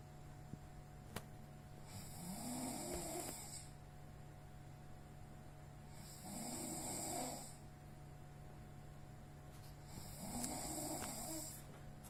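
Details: Heavy snoring during sleep when exhausted: three loud, rough snores about four seconds apart, roughly 15 breaths a minute, over steady room hum.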